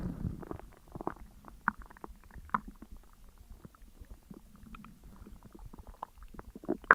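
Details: Borborygmi after eating a McDonald's double cheeseburger, large fries, large coke and McFlurry: soft, irregular gurgles and low rumbles from the belly during digestion.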